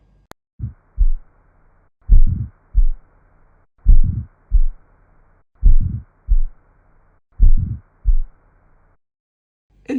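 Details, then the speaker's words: Ejection systolic murmur, as heard at the aortic or pulmonary area: slow regular heartbeat with a rough swelling murmur right after the first heart sound (S1), then a clear second sound. "شنو ايجكشن سيستوليك مرمر؟ يعني راح تجي ورا الفيرست هارت ساوند، ورا الاس 1."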